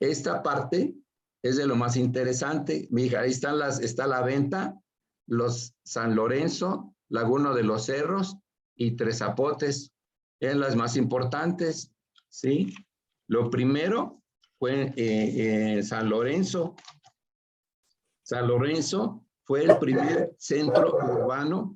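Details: Adult male with aphasia after a stroke (acquired brain injury), presenting in Spanish in an aphasia workshop; broken, disordered phrasing; aphasia.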